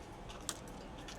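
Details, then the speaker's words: Pigeon with a cold that sneezes a lot, not improving after four days of doxycycline: a single sharp, brief snap-like sneeze with a few fainter puffs around it. "দেখতে পাচ্ছেন এই যে আমার একটা কবুতর ঠান্ডা লাগছে। প্রচুর হেচি পারে।"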